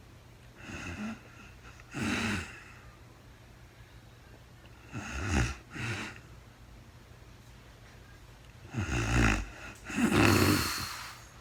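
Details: Adult woman recorded in real time during overnight sleep after being very tired: irregular rattling snores, some doubled, with quiet pauses between, over faint room hum; snoring.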